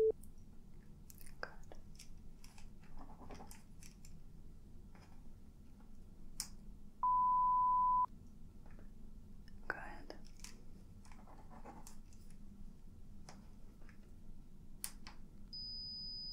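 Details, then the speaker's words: Simulated ASMR audiologist role-play, high/low frequency stage where the listener raises a hand or says yes on hearing a tone: steady pure beeps, one low-pitched, one high-pitched, over soft handling noises; pure-tone audiometry test tones. "so let's see here we're going to start with the high and low frequency testing what i want you to do is when you hear one of the sounds one of the tones you can either raise your hand or you can say yes okay"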